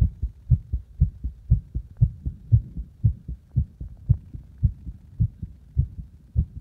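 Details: Heartbeat while deliberately making the heart speed up and slow down: steady, low paired thumps at roughly 115–120 beats a minute that speed up and slow a little.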